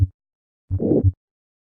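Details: Two heart sounds with a diamond-shaped, rising-then-falling systolic murmur of aortic stenosis, heard at the apex with a higher pitch (Gallavardin phenomenon).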